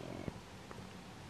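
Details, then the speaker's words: Adult's brief, low gurgling stomach rumble from hunger before dinner time; ordinary bowel sounds (borborygmi). "did you just in my stomach Rumble and again sorry if you can hear my stomach rumbling because I'm very much approaching dinner time"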